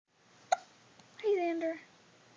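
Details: Young child with hiccups: a single sharp, abrupt voiced gulp, then a brief child vocalization in a quiet room; the hiccups are described as squeaky and toy-like.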